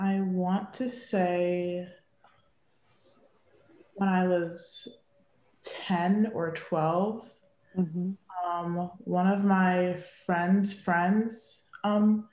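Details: Young woman who grew up as a person who stutters, speaking in real conversation; stuttering.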